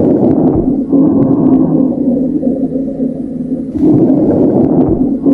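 Loud, harsh breath sounds with a low groaning, rumbling tone through each breath, heard in COVID-19 lungs.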